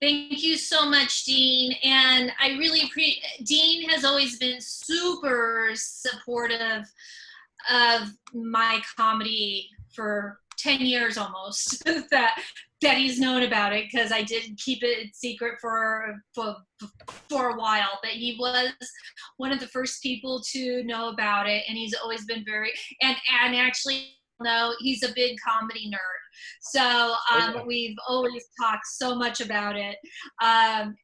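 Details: Stuttering in an adult woman speaking spontaneously; she says most of her stutters are repetitions, sometimes blocks.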